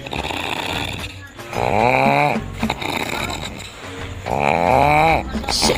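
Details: Sister-in-law snoring on a train in a comedy short, likely acted; two loud, drawn-out voiced snores with rising and falling pitch over noisy background; snoring.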